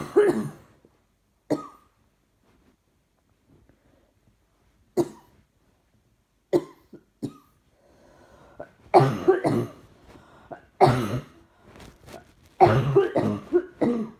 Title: Trying not to cough seems to make it happen more. Coughing & more coughing